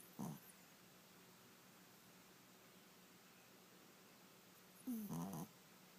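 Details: Small dog (Pom) falling asleep gives two brief, low, rough snorting breaths about five seconds apart in a quiet room: light snoring.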